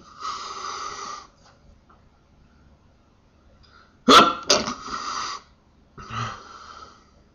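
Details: Part of a series of 10 sneezes in 55 seconds: drawn-out voiced build-up around a sudden explosive sneeze burst, in a quiet room.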